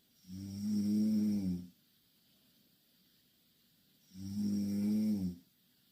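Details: Two long, loud, buzzing snores about four seconds apart, with silence between them, from two Korean girls sleeping in the same bed.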